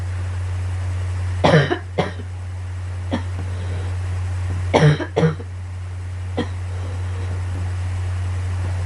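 Two bouts of paired coughs with a few lighter single coughs between them, over a steady low hum.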